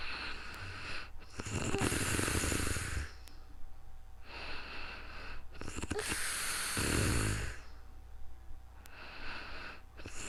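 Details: Real-time recording of a sleeping person snoring calmly: rhythmic loud rough snore on each breath in with hissing breaths out, about 12 breaths a minute; snoring.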